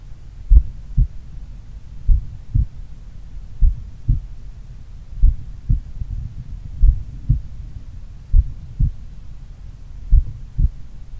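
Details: Self-recorded heart auscultation, about 1 minute each at the pulmonary, Erb's point and mitral sites, made in the morning by a person doing regular daily cardio training; slow, strong, clear normal heart sounds.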